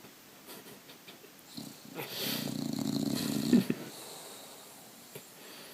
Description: Tychus, my one year old Bulldog, was snoring up a storm this morning so I had to grab my phone and record it.